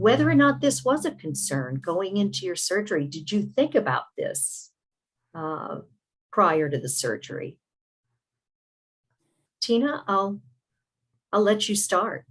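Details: Adult interviewer; typical speech.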